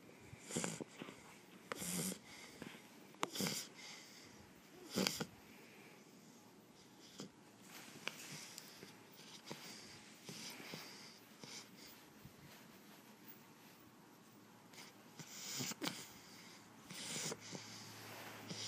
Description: Our shar pei fast asleep snoring.